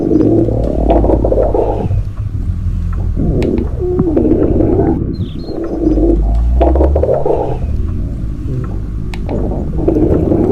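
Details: Loud, drawn-out growls and rumbling gurgles in waves of a few seconds; stomach growling (borborygmi) from moving gas and fluid.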